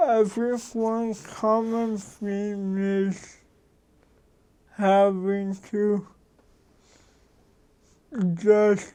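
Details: Adult man who has lived with cerebral palsy, a neurological disorder, for 53 years; real, unacted speech showing dysarthria due to cerebral palsy.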